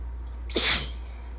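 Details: Sneeze during ragweed season, nose suddenly very sensitive after itching and teasing: single sharp sneeze over steady low rain noise; allergic rhinitis.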